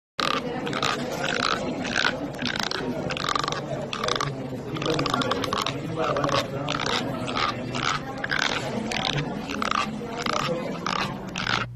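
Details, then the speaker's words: Loud repeated rasping, scraping bursts of teeth grinding against each other, typical of bruxism, the habit of grinding the teeth. "Galera, isso é chamado o bruxismo. É o hábito de ranger os dentes."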